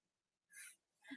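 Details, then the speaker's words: A tired dog snoring in a quiet room during a live stream: a soft breathy rush of air and a brief low snort at the end. "that noise that he just heard was a snore from the dog he just tired"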